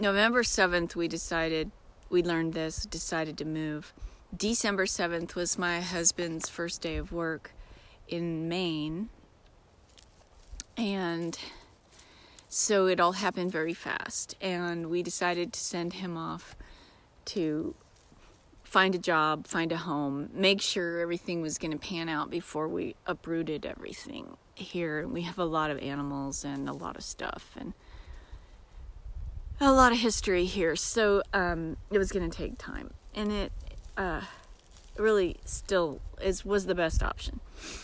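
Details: Disabled woman with self-described aphasia episodes that occur several times a day, sometimes briefly, and can sound like mocking a foreign-language speaker; self-described aphasia.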